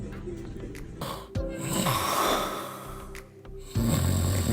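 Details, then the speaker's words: Patient snoring on the table during strip-style FUT hair transplant surgery under local anesthesia. "That's the patient snoring. It's important for the staff to recognize the difference between the patient snoring and when I snore."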